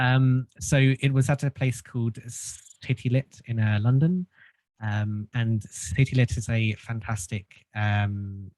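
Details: Stuttering in an adult man who has stuttered since childhood and had group speech therapy.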